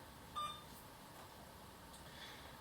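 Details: A single short electronic beep from an Alaris infusion pump as a key is pressed during training setup (new patient, critical care profile), over steady room noise.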